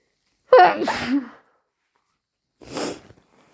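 A sharp, voiced sneeze, then a softer, breathy sneeze a moment later: two sneezes.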